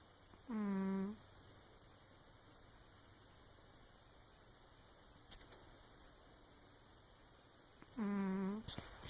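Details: Cat asleep on top of a sofa making strange noises: two brief buzzy, tonal snores about seven seconds apart, separated by quiet room noise; ordinary snoring.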